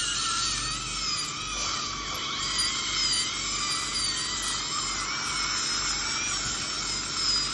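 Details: Real patient, dental bridge preparation after extraction of right upper second premolar and right lower first molar with drifting of adjacent teeth: continuous shrill whine of high-speed dental drill with shifting pitch and suction hiss; crown preparation for porcelain-fused-to-metal bridge.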